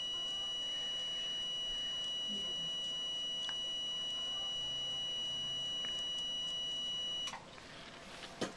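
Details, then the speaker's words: Steady high-pitched electronic tone with faint regular clicks, stopping near the end, as a dental soft-tissue laser finishes a labial frenum removal on a 7-year-old girl. "so we're just going to do a little bit more here just going to zap that off that little nugy right there"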